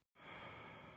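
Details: During a stethoscope chest examination, the patient takes deep breaths in and out with the mouth open: normal breath sounds.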